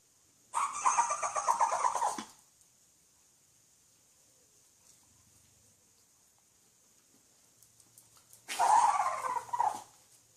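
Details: Dog sneezing: two bursts of rapid snorting sneezes separated by a quiet pause.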